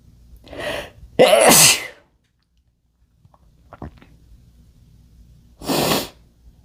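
A sharp intake of breath followed by an explosive burst, then a second sneeze after a short pause: two sneezes.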